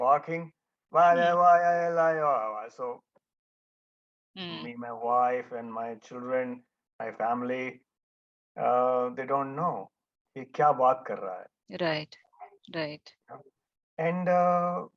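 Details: Adult male stroke survivor; after the stroke he could not talk and no one understood him, was almost mute about one and a half years, did daily speech practice with a therapist, and speech remains a setback; aphasia after stroke.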